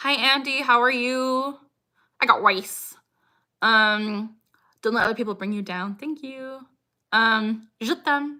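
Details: Woman with Tourette syndrome; her most frequent vocal tic, the phrase "I got rice", occurs mid-sentence while she greets chat: vocal tic (Tourette syndrome).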